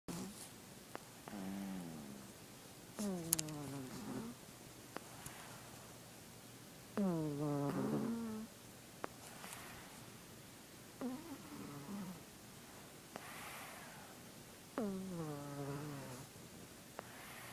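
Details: Sleeping cat snoring in the afternoon in a quiet room, with tonal, whistly snores roughly every four seconds.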